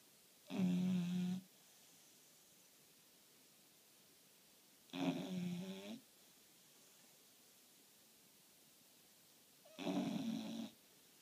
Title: My dog snoring like a grown man